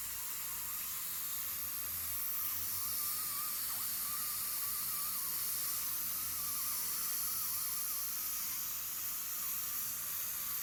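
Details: Dental scaler in use during professional teeth cleaning after braces removal to clear leftover bracket glue: steady hiss of water spray with a wavering high whine from the cleaning instrument.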